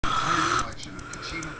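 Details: A husband snores while asleep with a single loud, rough, rattling breath of about half a second, then fades into quieter breathing.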